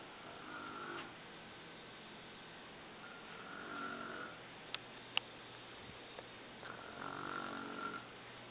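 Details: Adult woman (mother) snoring in her sleep: soft, raspy snores with each breath, about three in eight seconds, over low room noise with faint clicks.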